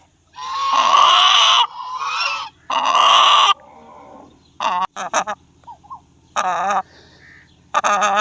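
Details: Chicken with excess throat mucus and respiratory illness: harsh, rattling honk-like wheezing and gurgling, congested labored breathing.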